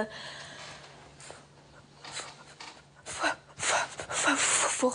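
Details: 17-year-old girl with severe stuttering since age 4, asked her name in front of strangers and a camera at the start of a three-day stuttering course, speaking French; stuttering with speech block.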